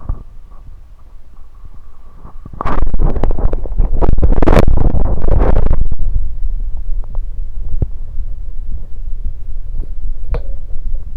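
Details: Adult's abdomen recorded while drinking Sunkist soda and burping: low, bubbling gurgles and rumbles, ordinary digestive bowel sounds.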